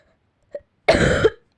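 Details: Harsh, forceful cough with a rough tail after a faint throat click, from an ill girl (Russian) recording while sick; cough.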